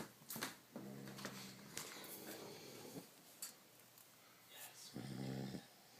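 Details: Three people snoring at once: overlapping rough, snorting snores from more than one sleeper in a quiet room.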